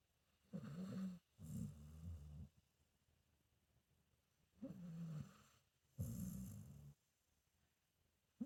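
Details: Senior pit bull mix dog snoring while sleeping: low rumbling snores on in- and out-breaths, about two breath cycles in eight seconds, in a quiet room.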